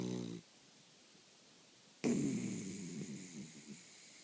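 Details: A dog snoring with her tongue hanging from her mouth: a brief buzzy breath, a pause, then a loud rough snort fading into rattly breathing.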